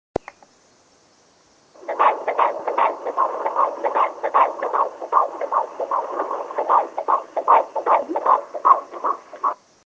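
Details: Fetal heartbeat at 16 weeks of pregnancy on a Doppler: fast, regular whooshing pulses at about 150 beats a minute.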